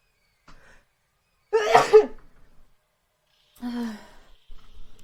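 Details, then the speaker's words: Adult sneeze during a game stream: a faint breath in, then one loud, explosive, partly voiced sneeze, followed by a short voiced exhale. "Apologies for the sneeze I'm about to"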